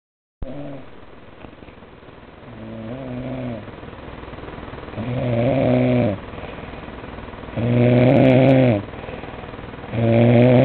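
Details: Snoring: rhythmic buzzing snores growing louder, about 25 a minute, each a drawn-out vibrating in-breath.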